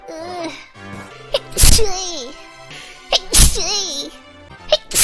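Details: Sneezing during a live stream: two sharp, explosive sneezes about two seconds apart, each preceded by a drawn-in breath, with voices and soft music in the background.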